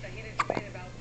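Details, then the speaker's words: 1-day-old newborn boy with hiccups after feeding: a single short, sharp catch of breath with a faint voiced squeak in a quiet room. "Oopsie. Somebody's got the hiccups."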